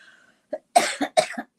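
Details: Speaker who says she can't talk very easily this morning: a brief throat sound, then a short run of three quick, dry coughs.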